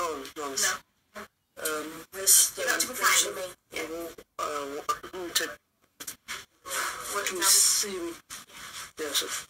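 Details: Year 11 male student with a severe stammer since childhood, recently worsening, at times barely able to articulate; stuttering.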